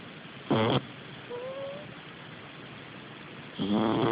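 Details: Sleeping cat: two rough, buzzing breaths about three seconds apart with a faint whistle between them; snoring.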